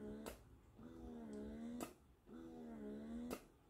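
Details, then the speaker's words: Soft, repeating motor hum, each cycle ending in a brief click: a wearable breast pump running in expression mode, reading about 40 to 43 on a noise meter. "so hanggang 40 something lang din so hindi siya ganon Kaingay compare sa iba na wearables"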